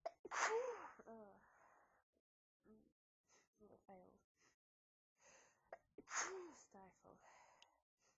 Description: lots of sneezes into soft white tissues, some talking and announcing of my sneezes